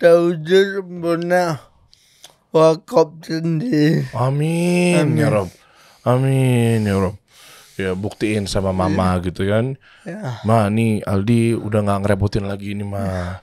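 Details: Adult man born in 1987 with severe cerebral palsy from birth, attributed to a birth injury during a breech delivery (described as malpractice); he could not walk until age 9 and speaks, but not clearly; dysarthria (cerebral palsy).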